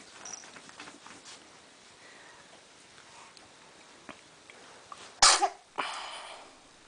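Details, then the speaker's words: Soft sniffing and snuffling, then two sharp, explosive sneezes close together near the end, from a pet in a quiet room during an attack of sneezes: sneezing fit. "Oh. Why are you so sneezy? Why are you so sneezy?"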